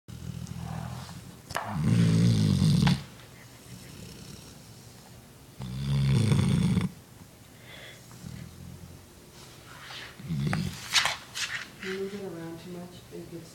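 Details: Chocolate Labrador dog asleep, loud, low rattling snores, two long noisy breaths with quieter breathing between; snoring.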